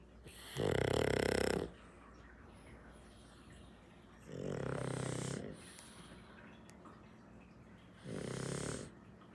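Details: Sleeping pug snoring: three loud, rough snoring breaths about every 3.5 seconds, roughly 17 breaths a minute; plain snoring.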